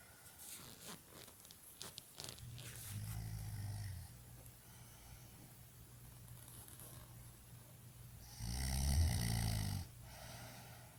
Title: Annoying snoring ever lol